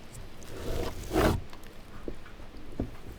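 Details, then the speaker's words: Brief crunching, grating burst with faint clicks as broken bone ends grind together in a pork butt shot during a firearm demonstration, not a patient; bone crepitus. "so the sounds of those bone ends going together is called crepitus so that's one of the things we look for uh when we're dealing with somebody"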